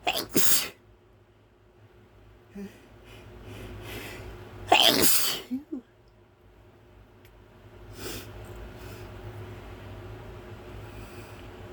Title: pepper sneezes again